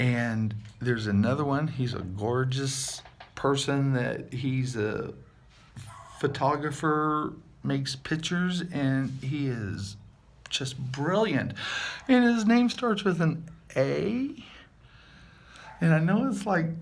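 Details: Adult man with aphasia after multiple strokes about seven years ago, with hearing loss in one ear. Real speech showing aphasia with word-finding difficulty.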